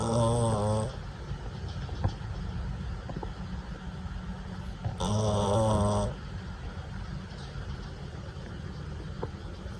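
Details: Sleeping puppy snoring so much its companion dog won't sleep with her: two loud buzzing snores about five seconds apart, quiet breathing and faint room noise between.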